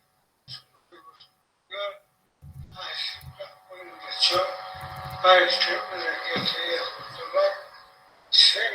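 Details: Recorded speech of a real cerebellar patient with ataxia, played as a teaching example: scanning speech (cerebellar dysarthria).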